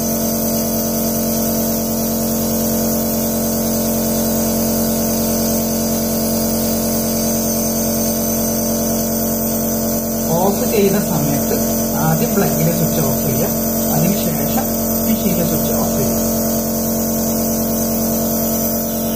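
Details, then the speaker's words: Steady mechanical hum and buzz of a nebulizer compressor running after being switched on at the machine and then at the wall plug, with faint speech partway through. "മെഷീനിലെ switch on ചെയ്തിട്ടുണ്ട് ഇനി പ്ലഗ്ഗിലുള്ള switch on ചെയ്യാം"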